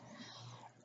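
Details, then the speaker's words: Brief, low, rumbling gurgle from the belly, audible across a quiet room: loud bowel sounds (borborygmi), which the person attributes to having had many surgeries. "and if you guys can hear that weird noise right now and then that is my stomach just with all the surgeries have a very loud stomach"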